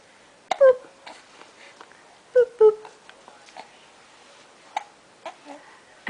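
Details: Several short, sharp catches from 6-week-3-day-old baby boy, spaced a few seconds apart, with soft baby noises between; infant hiccups.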